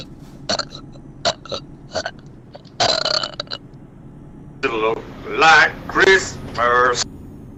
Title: truckersmp burping contest